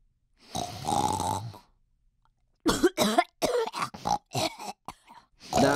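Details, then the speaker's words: Voice actor imitating an old man with sleep apnea: rough snoring inhale, a second of silence, then choppy gasping snorts; simulated apneic snoring. "Do one last one, but do like a like an old man with sleep apnea where you go, and then it stops."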